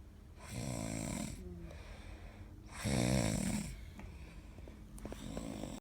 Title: snores